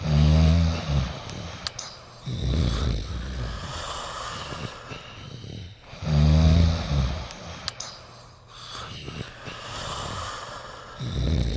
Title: Beethoven and Smally Sleeping and Snoring Together